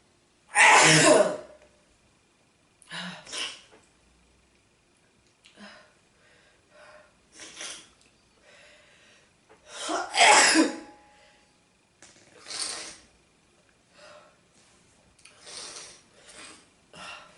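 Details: Sneezing fit: one loud sneeze followed by a run of smaller sneezes, sniffs and gasping breaths, about six to eight sneezes in all.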